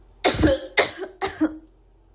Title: my sister coughing 3